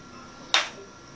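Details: Single sharp click of a manual transcranial magnetic stimulation pulse, used for major depression, over quiet room noise, delivered to a seated adult woman demonstration subject while locating the motor threshold by finger movement.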